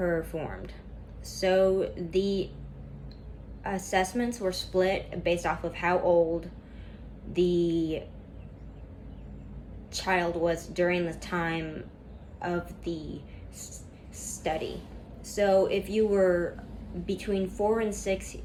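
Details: Female student who stutters reading a class PowerPoint presentation aloud, with a lot of tension at first that eases as the reading goes on; stuttering.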